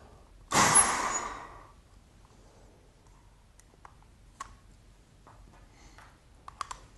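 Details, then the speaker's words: Demonstration of a peak flow test: standing, after a deep breath and with a tight lip seal on the tube, one sudden loud, hard blast of breath blown as hard and fast as possible into a peak flow meter, tailing off over about a second. "take a nice deep breath as before and form a nice tight seal around the tube with your lips then blow out as hard and as fast as you can like"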